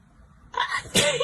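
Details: Allergy-related wet sneeze in a young Chinese woman: quick inward breath followed by one sharp, wet-sounding sneeze burst.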